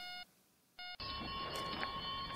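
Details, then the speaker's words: Two electronic beeps, then a steady alarm tone over other tones and room noise: NICU monitor alarms around a very premature infant (before eight months' gestation), aggressive unattenuated noise. "oui avant huit mois de grossesse il est entouré par des bruits agressif incohérent et qui ne sont pas atténuées par le liquide amniotique"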